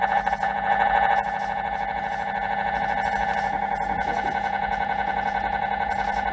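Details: MRI scanner noise: loud, steady buzzing hum of rapid repeating pulses, about 220 a minute.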